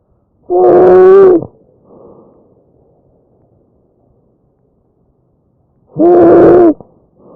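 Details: Tracheal stridor in breath sounds recorded from a real patient.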